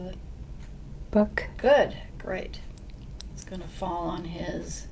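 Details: Woman with a brain lesion describing a test picture, with pronounced difficulty producing even single words. The finding is severe Broca's aphasia, mainly affecting speaking.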